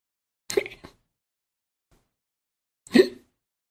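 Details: Sound effect of two abrupt, sharp voiced 'hic' sounds about two and a half seconds apart, separated by silence: simulated hiccups.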